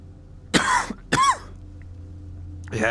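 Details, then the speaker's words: Tickly cough from a person with a cold or bug that has been building up, recorded while playing a VR game: two short, dry coughs and the start of a third over low room hum. "got a bit of a tickly cough"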